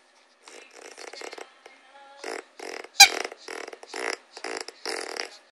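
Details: Quick run of rattling, fluttering breath noises mixing snore and purr-like vibration, with one sharp click partway through, from a female French Bulldog that "snurrs" all the time; snoring.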